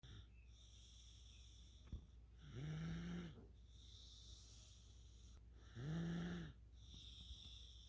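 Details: 3-year-old girl asleep: two loud, buzzing, tonal snores on inspiration, about 18 breaths a minute, quiet breathing between; snoring.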